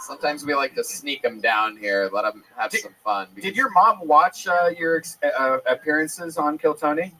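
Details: Adult man speaking; typical speech.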